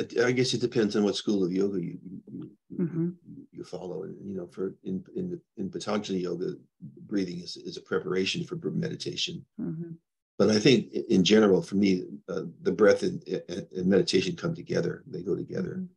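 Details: Adult man with progressing Parkinson's disease who reports stuttering a little, losing his words and impaired balance; finding: disfluent speech in Parkinson's disease (stuttering).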